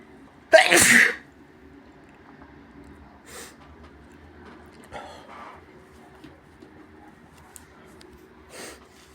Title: induced sneezes with a nose blowing in the end